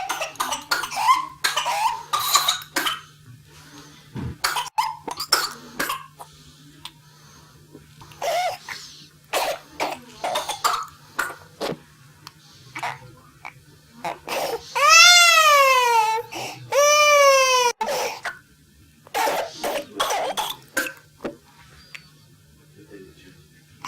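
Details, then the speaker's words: Child with whooping cough (pertussis): rapid paroxysmal runs of cough after cough, broken by long, high, crowing inspiratory whoops. Such attacks bring breathlessness, red then blue face and often vomiting. "with an occasional irritating cough that gradually becomes paroxysmal with cough after cough after cough and the child becomes more and more short of breath to the extent where they become initially red and then blue in the face and they have a sharp intake of breath called a poop hmm and then they often vomit as well"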